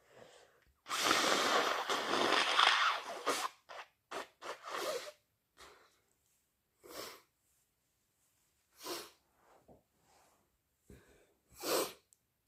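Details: Strong, loud induced sneezes: a long forceful sneeze burst, then several shorter sneezes and noisy nasal blows with pauses between; sneeze.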